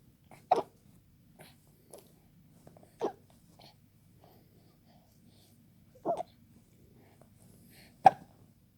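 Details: 3-month-old baby boy's hiccups: four brief, sharp, jerky voiced catches spaced a few seconds apart in a quiet room.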